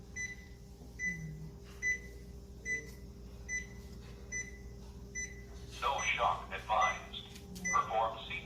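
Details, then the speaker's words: Training defibrillator in analyze mode after the rhythm returns to normal: steady beeps, then a recorded voice advises no shock and to begin CPR. AED no-shock-advised voice prompt. "네, 샥 주지 말고 심폐소생술 하라고 얘가 안내를 했습니다."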